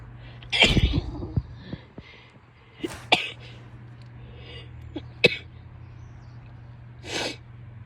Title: sneezes, sniffles, nose blows and coughing (f)